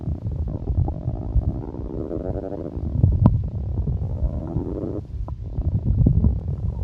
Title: the sound stomach growling versi exotic